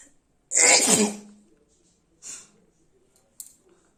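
One loud, explosive sneeze followed by a quieter sniff and a short click; a normal sneeze.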